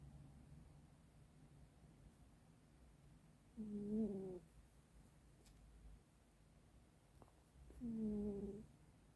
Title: Cute Black Cat Snoring Loudly